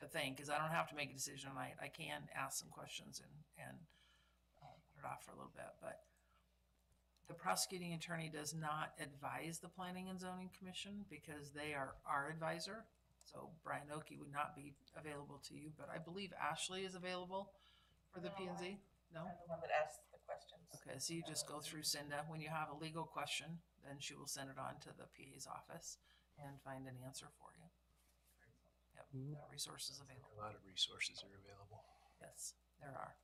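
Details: Adult speakers in a meeting room, mainly one woman with brief replies from others; normal speech.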